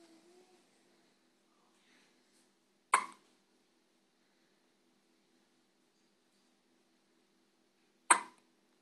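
Two brief, abrupt catching sounds about five seconds apart in a quiet room, typical of hiccups.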